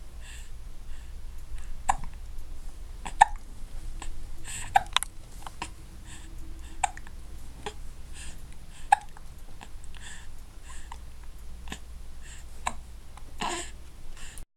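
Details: Ongoing hiccups: repeated short, sharp hiccup clicks, about six within fifteen seconds, over low room rumble.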